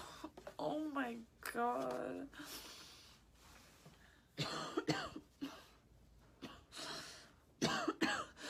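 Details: Several harsh coughing fits with voiced catches and breaths between, in a quiet room, from a female sick with a cold after a cold storm, with stuffed nose, mucus, sneezing and trouble catching her breath.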